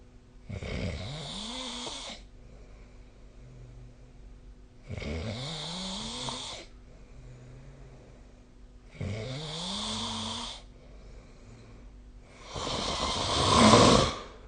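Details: Habitual snoring recorded by a snore-tracking app during sleep: four loud, rattling snores on breathing in, about every four seconds, quiet breaths out between, the last harshest; roughly 15 breaths a minute.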